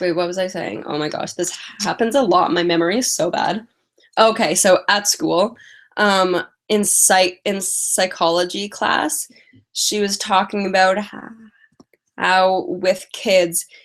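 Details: Female live-stream host with a stutter who says she manages it with strategies such as prolonging words and talking slowly; stuttering.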